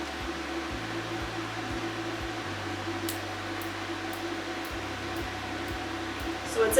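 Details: First Clearlift laser facial treatment on a man to even skin tone, performed by a nurse practitioner; patient reports a Jello-like, not painful feel: steady machine hum with faint regular clicks about every half second; laser handpiece firing.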